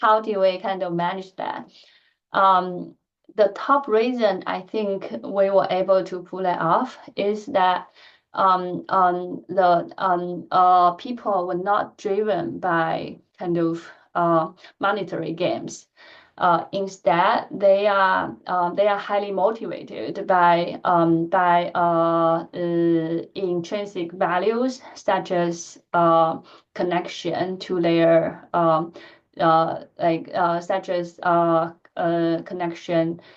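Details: Adult woman who stutters, speaking during a lecture; she says her stuttering pattern varies with the listener and the situation; finding: stuttering.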